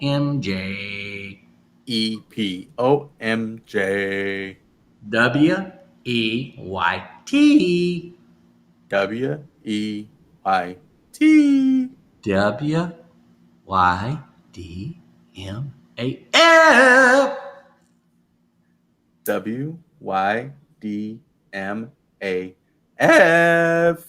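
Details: Adult male speaker; aphasia.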